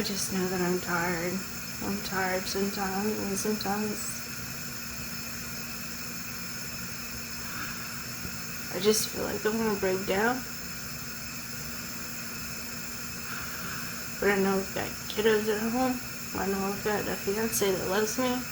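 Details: Speech with a tracheostomy in a female patient in hospital, recorded right after her first tracheostomy; her airway problems are linked to laryngospasm and vocal cord issues.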